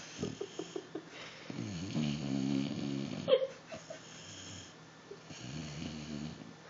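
Soft, irregular snorting and rattling breaths with faint wheezy tones during sleep; dog snoring.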